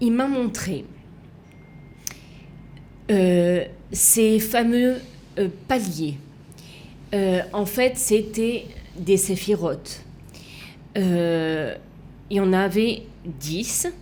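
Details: Female left aphasic with right-sided hemiplegia after an accident and coma, resuscitated with a defibrillator; for years could not place her tongue correctly, fought 7 years to relearn walking and speaking; aphasia.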